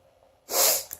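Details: A single sharp, hissing burst of air, a sneeze with the mouth closed.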